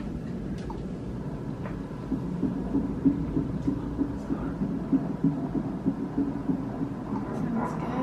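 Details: Fast, regular pulsing thumps over a steady hum: fetal heartbeat on an early first-trimester ultrasound of a fifth baby, about 190 per minute.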